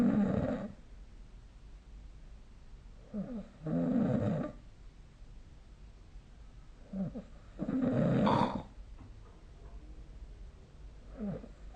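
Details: Deep, rumbling, vibrating breath sounds repeating about every four seconds, roughly 15 a minute, over a quiet room, recorded during sleep with the SnoreLab smartphone app; steady snoring.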